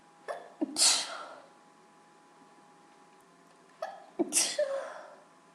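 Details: Person with allergies: two forceful, wet sneezes about three seconds apart, each with a quick in-breath before the explosive burst; sneezing.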